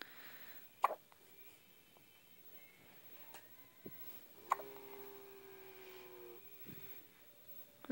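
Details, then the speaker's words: Baby girl who has hiccups very often, even before birth, hiccuping for about 10 minutes and seeming to dislike it: a few brief, sharp hiccups several seconds apart in a quiet room. Infant hiccups. "Somebody has the hiccups. Of course they're gonna go away. Oh. Hey, big girl. Uh-oh. She does not like these hiccups."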